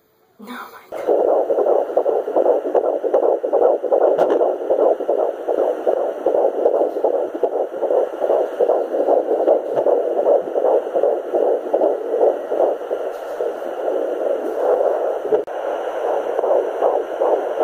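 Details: Home fetal Doppler (Sonoline B) at 13 weeks 5 days of a third pregnancy, the first time the heartbeat was found: rapid, steady whooshing fetal heartbeat at about 155 beats a minute.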